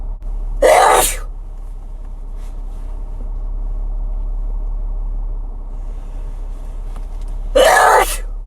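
Two sharp, explosive sneezes several seconds apart over a low room rumble.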